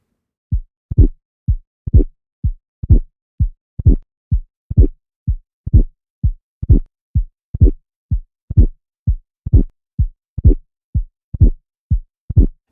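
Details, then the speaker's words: Regular heartbeat near 62/min with a sharp mid-systolic click as the chordae tendineae catch, then a systolic crescendo murmur building toward S2: mitral valve prolapse. "you can hear this mid-systolic click and then after the click you may hear a systolic Crescendo murmur that increases in intensity as you approach S2"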